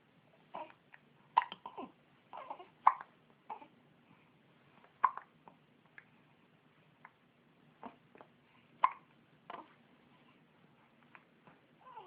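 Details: Person with hiccups: repeated short, abrupt catches of breath at irregular intervals, with soft voice sounds between them.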